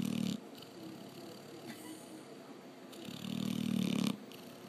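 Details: A sleeping Labrador dog with two long, rumbling snores about three seconds apart and quiet breathing between; snoring.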